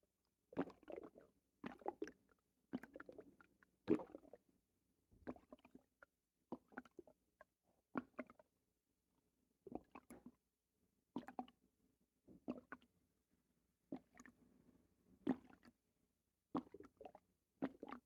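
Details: Loud watery bowel sounds (borborygmi) starting right after a bowel movement, like a water bed in the stomach: repeated loud, watery gurgling bursts.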